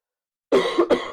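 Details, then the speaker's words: Adult man during a live Q&A, described by others as sounding really sick, says he has phlegm in his lungs: two quick, harsh cough bursts close together; cough. "Like he he does sounds really sick. Hopefully he's not. >> It's just It's just a flame I have in my in my lungs."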